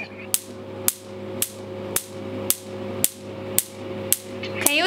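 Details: Picosecond tattoo-removal laser on a forearm, 9 mm spot size, frequency 2, setting 0.3: sharp snapping pulses about twice a second over a steady machine hum as the laser fires.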